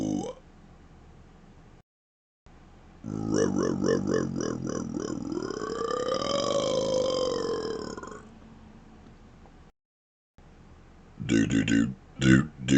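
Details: Deliberate burping shaped into sounds: a long, drawn-out voiced belch rising and falling in pitch, with shorter burps at the end, some going into words.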